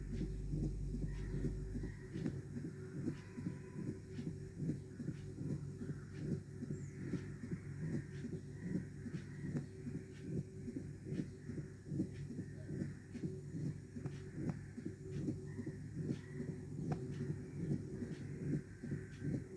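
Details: Mitral stenosis: regular heart sounds at about 74 beats a minute with a low rumbling mid-diastolic murmur.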